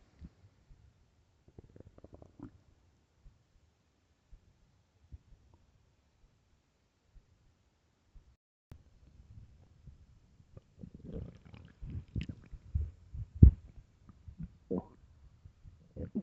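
Faint scattered gurgles that build into loud, bubbling rumbles and squeaks. Stomach growling from hunger, a normal gut sound.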